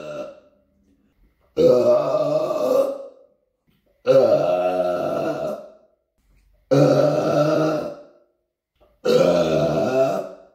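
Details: Four long, loud, voiced belches about 2.5 seconds apart, each lasting over a second, in an apartment; repeated deliberate burping.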